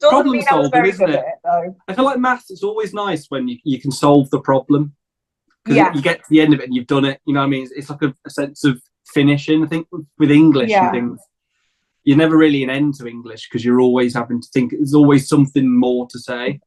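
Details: Adult speaker; ordinary speech.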